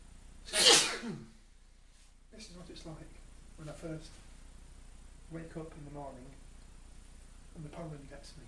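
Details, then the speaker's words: Adult male with hay fever just back from outside, in a pollen-triggered sneezing fit: one loud, explosive sneeze, then quiet breathy voice sounds. "Only can imagine what it's like to have this kind of allergy and do this amount of sneezing."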